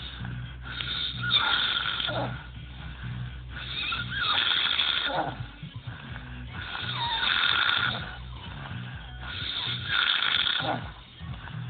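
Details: Four loud, rough, airy snores in a slow rhythm of about twenty a minute, with a whistling edge; a person snoring during sleep.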